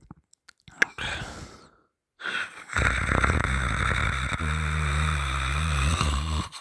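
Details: Sleeping person snoring with mouth open while boyfriend holds the nose shut: rough, rumbling snore building over several seconds after shuffling noises.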